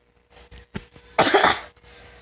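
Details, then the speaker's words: Child who is a little sick gives a single harsh, forceful cough with a softer catch just before it, in a quiet room. "yeah I'm a little sick so that's why I'm like coughing and my voice sounds like this"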